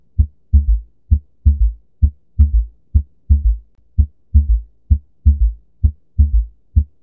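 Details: Example recording of a third heart sound (S3), best heard at the apex with the stethoscope bell: regular low heart sounds near 65 per minute, a dull extra sound more than 100 ms after S2.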